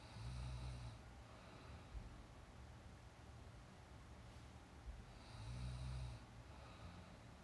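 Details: Young woman sleeping, real sound: low rumbling breaths recur every few seconds under steady room noise, with softer breathy phases between them; snoring during sleep.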